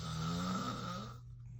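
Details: Snoring from the filmer's sleeping father: a single loud, low, rumbling snore as breath is drawn in, fading out; heavy snoring.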